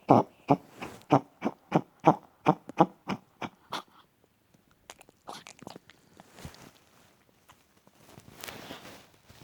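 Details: Chihuahua born with a heart murmur, diagnosed with congestive heart failure, mitral and tricuspid valve disease, medicated earlier: a rapid run of about a dozen harsh, honking cardiac coughs.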